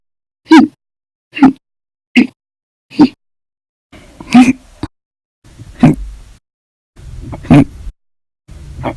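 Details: Hiccups after meals and a cup of soda after dinner, an episode lasting 13 hours 32 minutes: sharp, abrupt voiced 'hic' bursts about once a second.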